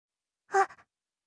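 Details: Acted 'ah-choo' sneeze by video game character Sucrose (Genshin Impact), a single short voiced sneeze with a quick trailing tail; one of her Chinese, English, Japanese and Korean voice versions.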